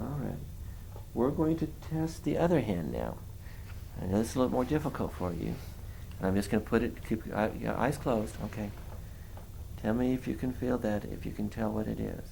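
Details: Adult male examiner; Normal speech.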